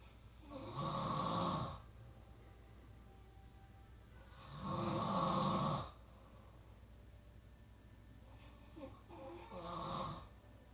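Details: Three loud, rattling snores spaced several seconds apart, about 14 a minute, with quiet between them, from a sleeping son after a long road trip; ordinary snoring.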